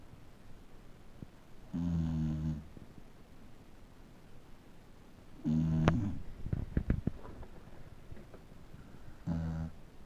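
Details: A male Beagle dog that snores every time he sleeps: three low, buzzing snores about every four seconds (roughly 16 breaths a minute), with quiet pauses and small noises between; snoring.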